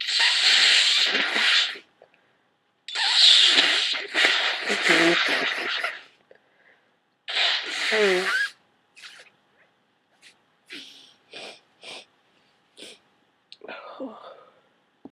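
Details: Person with a common cold, very wet and snotty, who has gone through a box of tissues: a massive sneezing fit of several loud, wet, explosive sneezes, then a drawn-out nose blow and sniffles.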